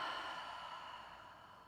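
A single long, steady airy exhale that fades gradually, with no voice: a deliberate deep breath out during a breathing exercise.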